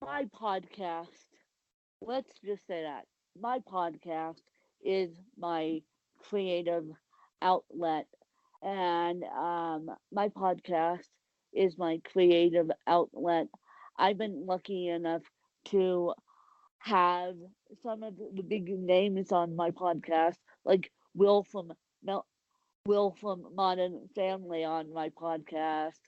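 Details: Dysarthric speech in an adult woman with cerebral palsy.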